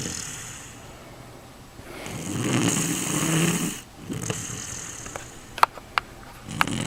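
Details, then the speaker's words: Sleeper snoring at night, keeping a brother awake; frequent snorer: one long, rough, rasping snore breath followed by a few sharp knocks and room noise. "Zacree can't sleep. He always like snores. I don't think he's dying. And I'm pretty sure he makes that noise."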